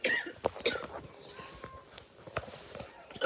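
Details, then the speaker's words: A girl who keeps coughing constantly while filming gives a few short coughs, then quieter room noise with faint breathing. "I've kind of explain what's going on and I just keep coughing constantly keep doing that on the camera"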